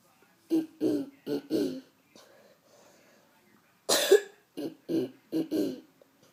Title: Throat clearing